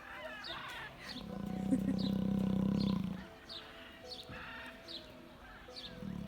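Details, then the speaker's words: A lion snores loudly while sleeping at a safari park. "Как это никого нет. Один храпящий малыш чего стоит."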